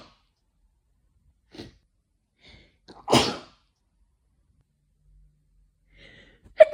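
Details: Person at home with hay fever since waking, dry itchy pollen-triggered sneezing, often covered by hand: a quiet intake, one loud sharp sneeze, then a second starting; repeated hay fever sneezing.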